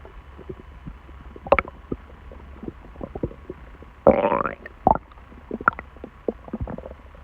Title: Stomach noise